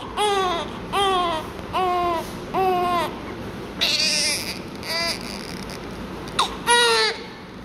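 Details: Newborn receiving suctioning/oxygen care: repeated short, high-pitched cries with brief gasps between them, strong and clear in a quiet room; newborn cry.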